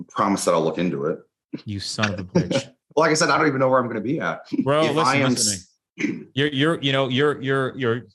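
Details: Adult male police officer with Tourette syndrome since childhood and ADHD; his tics are uncontrollable and not treated with medication; vocal tics (Tourette syndrome).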